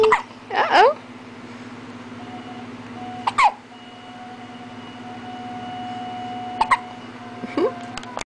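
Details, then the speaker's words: Hiccups in a 3-week-old: sharp, abrupt voiced hiccup sounds, about four in eight seconds, over a steady background hum. "Get the video camera out and the hiccups stop."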